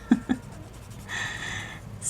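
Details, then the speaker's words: A soft, raspy breath under a second after two light taps from a rescue cat sleeping at the edge of a desk close to the microphone; snoring. "cat oscar is snoring i know you can hear that"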